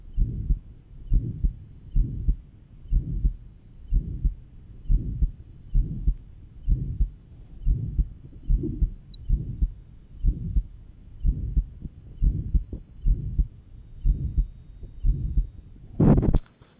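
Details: Johns Hopkins heart sound laboratory recording, 1955, pure pulmonary stenosis, pulmonic area: regular heartbeat near 65 a minute, each beat carrying a harsh murmur; diastolic "whisp" noted at 3rd left sternal border.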